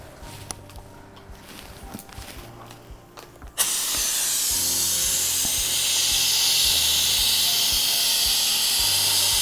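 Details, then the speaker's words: Caries excavation of occlusal decay on teeth #14 and #15 of a 52-year-old patient: quiet clinic sounds, then a loud, steady high-pitched whine and hiss of a high-speed dental drill. "so we're going to clean out both sheets here so the carries on number 15 undermined the transverse ridge"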